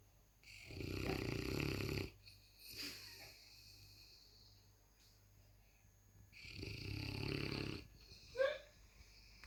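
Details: Two deep, rattling snores about five seconds apart, ending in a faint squeak; a sleeping 155 lb Presa Canario cross puppy that snores very loudly.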